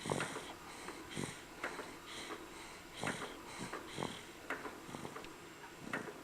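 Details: Snoring.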